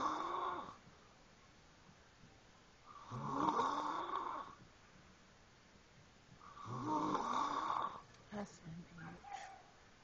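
Loud rough snores repeat in a steady rhythm, about one every three to four seconds, with quiet gaps between them. Ordinary snoring.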